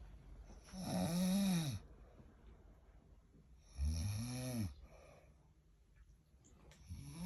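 Two loud, low, rattling breaths in while asleep, a few seconds apart, with quiet breathing out between them. Snoring.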